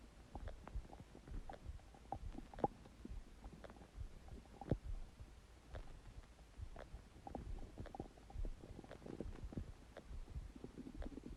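Repeated low gurgles and squelching rumbles from the belly: ordinary stomach gurgling (borborygmi), gas and fluid moving through the gut.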